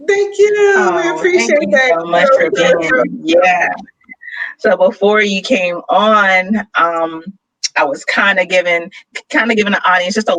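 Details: Adult speakers in an interview; ordinary conversational speech.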